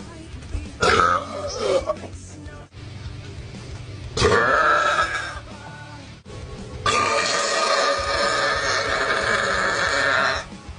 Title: Insane Beer Burps Part 2 #shorts